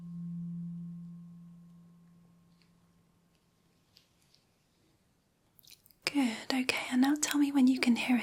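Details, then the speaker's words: Simulated ASMR role-play hearing test: a low tuning fork tone slowly fades to silence as the fork is moved away to the side, then whispered speech follows. "I am going to move this tuning fork away from us to the side and I would just like you to tell me when you can no longer hear it"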